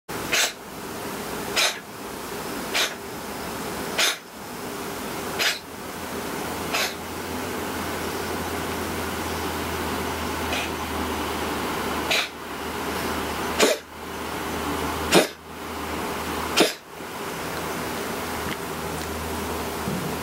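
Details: Cat with a slight cold at the change of season coughing: a run of about ten short, sharp, dry coughs spaced about a second apart.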